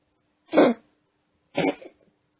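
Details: Cat, one of three housemates (aged 3 y 5 mo, about 1 y 9 mo, 8 mo), giving two short harsh hacking bursts about a second apart; owner unsure whether it is a cough or reverse sneezing.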